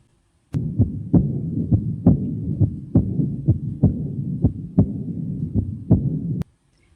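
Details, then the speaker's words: Austin Flint murmur of aortic regurgitation, caused by rapid regurgitant flow into the left ventricle: heartbeat about 90 a minute with a low, rumbling murmur between beats. "Também é comum o aparecimento do sopro de Austin-Flint, que é causada pelo fluxo de regurgitação rápido para o ventrículo esquerdo."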